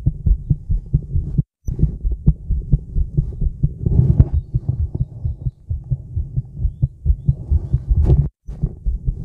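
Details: Female heartbeat recorded outdoors in the woods, with some stomach noises; the person was a bit nervous. Steady low thumps, slightly fast at roughly 120 to 130 beats a minute, faint background rumble; normal heartbeat.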